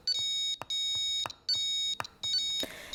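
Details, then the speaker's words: Pulse oximeter desaturation alarm triggered on purpose during preventive maintenance, by setting the low SpO2 alarm threshold above the tester's own SpO2: repeating high-pitched electronic alarm tones. Low SpO2 alarm. "Pour cela, on va aller dans les réglages d'alarme et on va régler le seuil bas de l'alarme de SpO2 à une valeur supérieure à notre propre valeur de SpO2 et on vérifie le déclenchement de l'alarme de désaturation."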